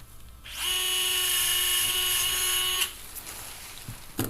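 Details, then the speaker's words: Cadaver demonstration of lateral fibula plating for an ankle fracture: a high-pitched powered surgical drill whines steadily for about two seconds, boring a hole for a non-locking screw to seat the plate onto the bone, then stops. "mine is to use a non-locking screw initially to get the plate seated well onto the bone and this case we'll use our standard drill for the size screw that we're going to"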